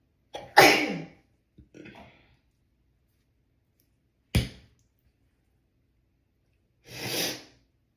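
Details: Sneezing nonstop: several sharp, explosive sneezes with short breathy intakes between them in a quiet room; repeated sneezing.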